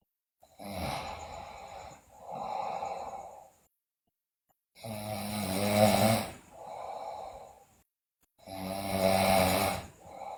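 Loud, rough snoring on both in- and out-breaths, about 18 breaths a minute, with brief pauses between cycles. Habitual snoring in a child.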